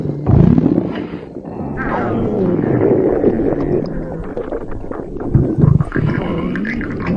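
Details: Loud, long rumbling and gurgling growls from an empty stomach: hunger borborygmi.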